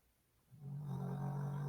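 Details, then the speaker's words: Dog snoring in a living room during a conversation, a low, steady, rumbling, slightly rattling snore likened to a tractor; snoring. "Je m'excuse si vous entendez le chien ronfler, là. Je le dis à chaque semaine, un tracteur dans mon salon. Charlie, arrête de ronfler."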